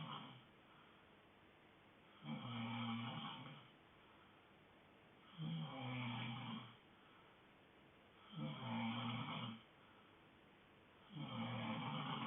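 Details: Steady rhythmic snoring during sleep: about four rough, rumbling snores evenly spaced, a slow sleeping breath rate near 20 a minute.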